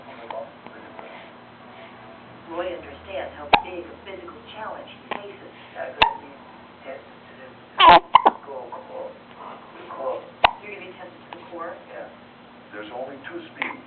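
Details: A granddaughter's hiccups, recorded March 6, 2009: sharp, abrupt hiccup sounds breaking in over ongoing background talk.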